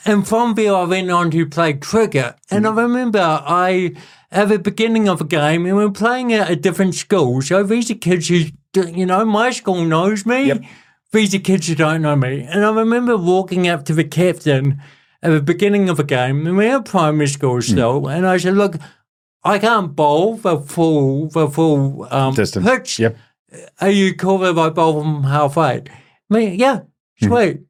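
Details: Adult male born with cerebral palsy, congenital and lifelong, who calls it a physical disability affecting how messages travel around his body and a speech impediment; real speech; dysarthria (cerebral palsy).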